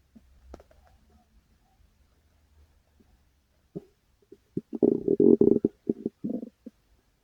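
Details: Uploader's own stomach growling, recorded while it was still active after often going loud: low gurgling, rumbling bursts rising into a long growl after a quiet start; ordinary borborygmi.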